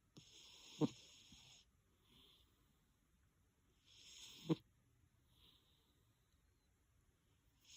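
Soft, hissy snoring breaths from a cat, each ending in a small snort, about 16 a minute in a quiet room.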